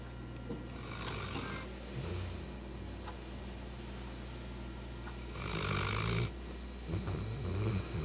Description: Funny Sleeping Snoring Dog.